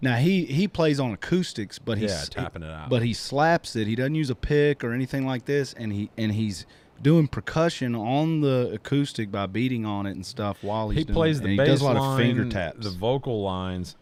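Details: Adult male speaker; Normal conversational speech.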